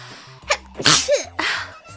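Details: Streamer voicing a Hololive character, sneezing repeatedly during a livestream and apologising between sneezes: two sharp, noisy sneezes close together, the first with a brief vocal catch, over faint background music.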